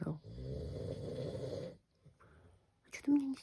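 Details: Man sleeping: one low, rattling inspiratory snore nearly two seconds long, then quiet breathing and a brief noise in a quiet room; snoring.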